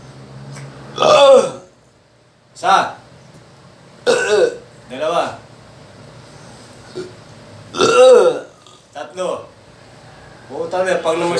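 Several loud, throaty burps at irregular intervals in a quiet room; repeated belching.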